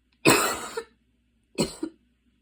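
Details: Harsh, moist asthma cough in the evening, two bursts each followed by a short catch of breath, after walking and running outside in the rain with intensified breathing; an inhaler is used.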